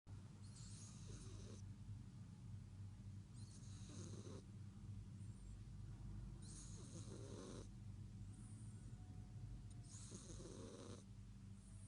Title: cat snoring so loud